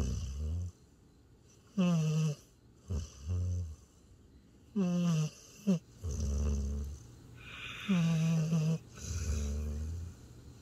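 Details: Tired border collie–Australian shepherd mix asleep in owner's arms by a campfire after a hike, snoring: deep rumbling snores with whistling, nasal breaths between, about 20 breath sounds a minute.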